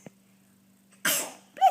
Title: Sneeze....